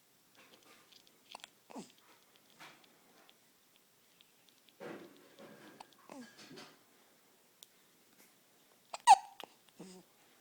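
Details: Morning hiccups.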